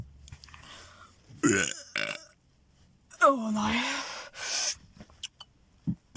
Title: Burping before 2021